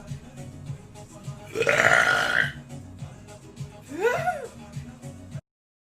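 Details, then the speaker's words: Female livestreamers burping on stream: two loud, drawn-out burps over background music and faint voices. "oh my gosh that was a good that was a nice burp nice bird that was a small one that was pretty good yeah"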